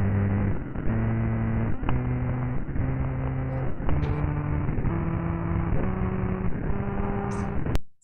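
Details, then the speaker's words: Therapist's heart rate variability during 4.5 hours of hexameter recitation, sonified at 3,600 times speed into 4.5 seconds: steady buzzing tone stepping through distinct pitch levels like a tone scale. Sonified heart rate variability. "So you will hear the 4.5 hours in 4.5 seconds. And this, please listen to this. This is the sound of the therapist's heart during this recitation."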